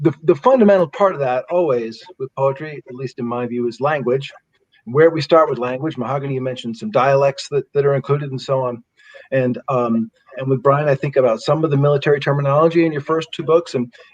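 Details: Adult male speaker; Normal conversational speech.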